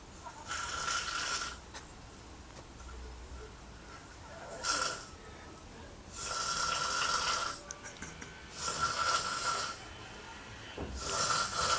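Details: Man snoring in a hostel in central Berlin: loud, harsh, rattling snores on each breath, about 25 breaths a minute; heavy snoring.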